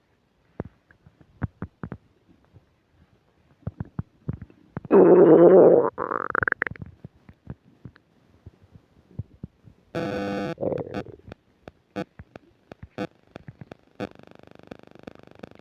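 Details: While eating a burger and fish fries with self-described upset digestion, new microphone picks up loud gurgling, squeaking stomach rumbles with scattered clicks and bits of static; active bowel sounds (borborygmi).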